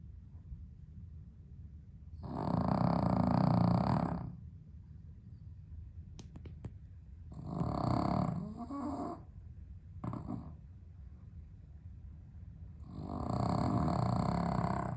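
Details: Loud, rough snoring breaths separated by quiet gaps of several seconds from a sleeping dog with sleep apnea, improved on heart medication, on a very hot 32°C day in London without air conditioning.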